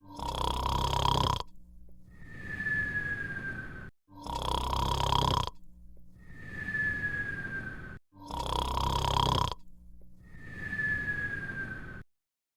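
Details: Simulated cartoon-style imitation snoring for an animated character: a voiced snort on each in-breath and a whistling out-breath, about 15 a minute.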